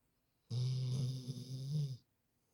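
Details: Snoring: one long, low, rattling breath sound lasting about a second and a half, a typical snore.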